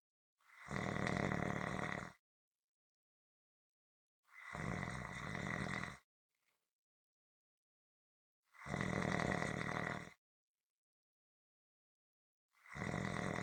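Loud, rough, steady snores roughly every four seconds, separated by silence; rhythmic snoring.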